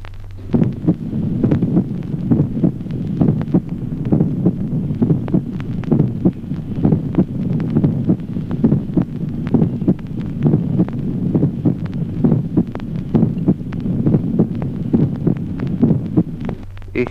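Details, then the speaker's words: Regular low heart sounds about 67 a minute, with the first heart sound clearly and manifestly split into two close components: split first heart sound, teaching example. "Ejemplo sexto. Duplicación del primer ruido cardíaco. División manifiesta del primer"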